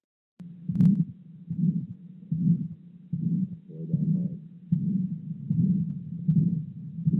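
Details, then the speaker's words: Real patient recording with phonocardiogram: regular heartbeat about 77 a minute with a harsh systolic murmur that grows much louder when the patient bears down (Valsalva); hypertrophic obstructive cardiomyopathy murmur. "you'll hear the intensity of the murmur get much louder with val salva which would otherwise make all other murmurs quieter"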